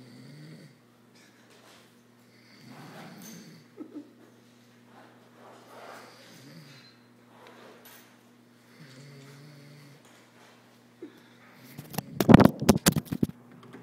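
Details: Adult man snoring late at night: low, rough snores on inhalation, repeating irregularly in a quiet room, with handling noise near the end.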